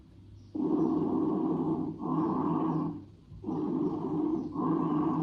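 Soft, low rustling breath sounds in repeated cycles, each longer inspiration running into a shorter expiration: normal vesicular breath sounds.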